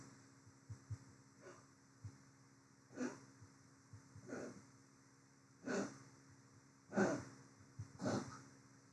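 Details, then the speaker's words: Small dog with tracheal collapse (weak cartilage, throat narrows): run of harsh, snorting retching bursts sounding like puking or dying: tracheal collapse cough, honking/retching episode. "he just has so old small dogs often just have tracheal collapse that's when they're um they just have weak cartilage so their throats kind of close a little bit so they make this sound as though they're like dying"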